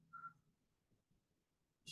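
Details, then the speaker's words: Stridor from upper airway obstruction, usually heard during inspiration and audible without a stethoscope: a brief high-pitched whistling tone on a single breath. "Strider is not like heroin or obstruction of the upper Airway Charter is easy but it's usually hurting during the inventory things whereas in this diagram this is the answer to phase and this is the expiratory phase"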